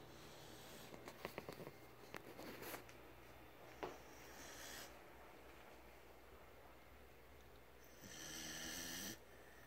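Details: Loud snoring during sleep: irregular snorting and rattling breaths, with one longer loud snore near the end.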